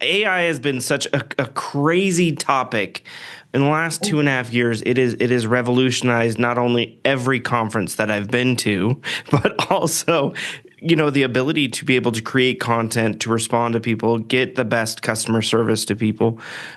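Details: Adult speaker; normal speech.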